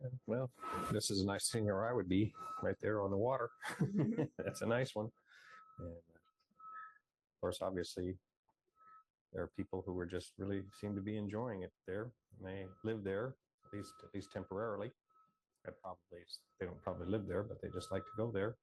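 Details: Man with semantic dementia describing a picture; left anterior temporal atrophy, later a compulsion for drinking alcohol, death from acute pancreatitis, and FTLD-TDP type C pathology; semantic variant primary progressive aphasia.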